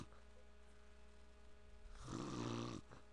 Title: dad snoring